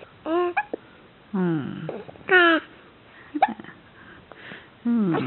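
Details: Goat whose sire is a Scottish Alpine gives a run of short, abrupt, voiced hiccups at irregular intervals in a small room.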